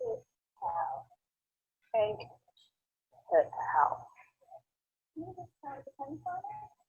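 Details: Patient with the abductor form of spasmodic dysphonia, with breathy breaks; abductor spasmodic dysphonia.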